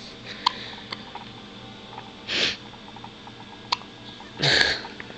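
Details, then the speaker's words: Baby girl's hiccups; two short, sharp noisy bursts a couple of seconds apart over quiet room noise with small clicks: hiccups. "Got the hiccups."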